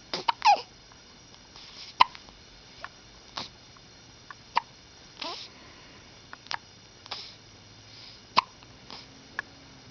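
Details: A person with hiccups: about a dozen short, sharp hiccup sounds in ten seconds, repeating irregularly over a quiet background.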